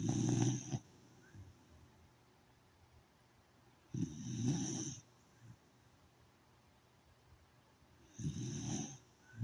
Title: #dog damn she snores like a grown ass person #dogfunny